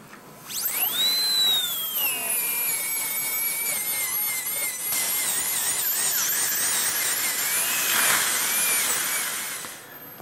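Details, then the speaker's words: High-pitched dental handpiece whine, rising and dipping as it finishes and polishes gingival margins of restorations, clearing excess bis-acryl composite near the papilla, after occlusion check in restorative treatment of malpositioned dentition. "and we're just going to go around finish our gingival margins polish and then we'll be done Jay"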